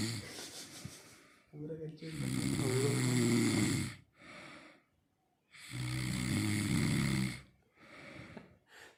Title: #snoring